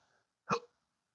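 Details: Adult with intractable hiccups since December 2015 after surgery with nerve damage, not responding to treatments; a single sharp, brief hiccup in a quiet room: hiccup.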